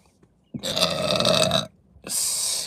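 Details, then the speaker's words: Two long, deep, loud belches one after the other with a brief pause, from a woman burping uncontrollably, repeatedly saying excuse me; repeated burping. "me see you guys then excuse me um excuse me excuse me my excuse me oh excuse me holy smokes already"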